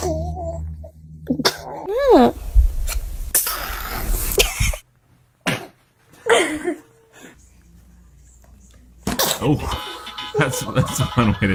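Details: Several sudden, explosive sneezes from children amid talk and laughter in a room; funny children's sneezing.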